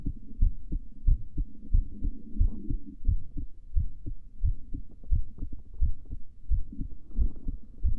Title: Female heartbeat before sleeping